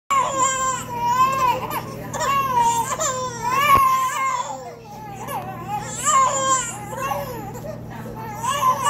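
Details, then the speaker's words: Triplet baby brothers crying together while their sister sleeps: long wailing bursts with overlapping voices, ordinary infant crying. "Sissy has no care in the world. Why are y'all crying? Why are y'all crying?"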